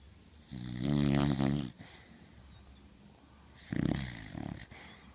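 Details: Snoring.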